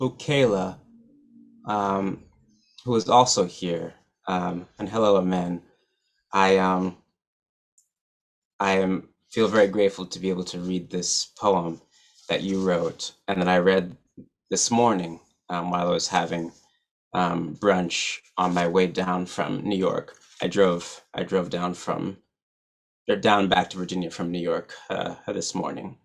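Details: Adult male musician and poet who stutters, giving a keynote speech at a stuttering association conference; stuttering.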